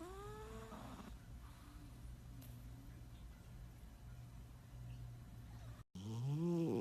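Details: Cat snoring while asleep.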